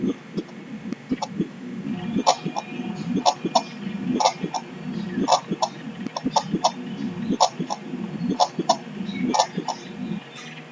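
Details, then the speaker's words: Normal heart sounds from a short lub-dub clip in a lesson on the human circulatory system: regular, evenly spaced thuds about once a second, near 60 a minute. "So this is how it refers to the heartbeat of our heart. So let's hear a small clip of our lub-dub sound."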